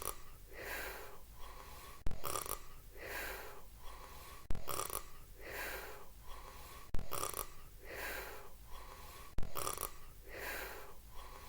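Regular rasping snores, about 25 a minute, each breath in marked by a sharp snort, from a cartoon soundtrack.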